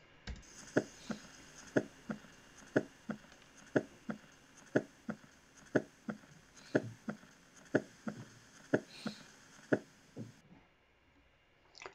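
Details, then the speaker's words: Normal heart auscultation: regular heartbeat at about 60 per minute with only two heart sounds, S1 clearly louder than S2. "sería entonces un río cardíaco completamente normal si se dan cuenta se escuchan únicamente los dos ruidos cardíacos y es evidente como el s1 es un rollo más fuerte que el s2"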